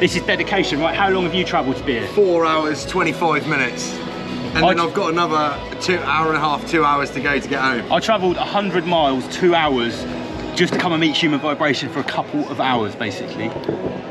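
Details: Adult men talking; ordinary speech.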